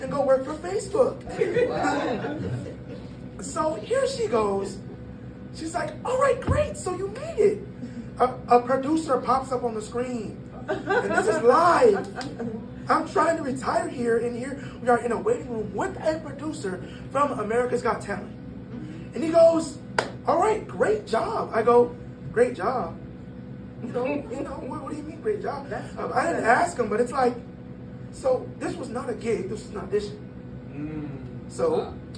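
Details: 22-year-old man born prematurely at about one pound, vocal folds developing after birth and still not closing fully; breathy voice from incomplete vocal fold closure (glottic insufficiency).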